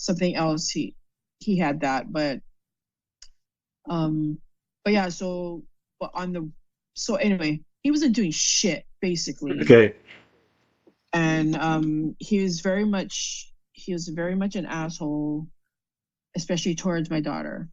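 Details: Adult female stroke survivor with post-stroke aphasia. Finding: aphasia (word-finding difficulty).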